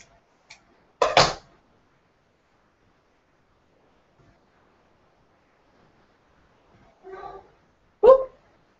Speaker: did you hear that just sneezed